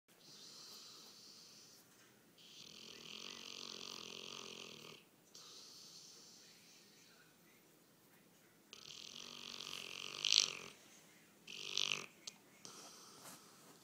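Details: A bullmastiff snoring in sleep, recorded on an iPhone: slow, noisy breathing with long hissing, rattly snores roughly every few seconds and a couple of louder snorts.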